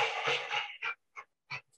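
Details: Dog with laryngeal paralysis: loud, harsh, noisy breathing followed by shorter rasping breaths, an inspiratory stridor.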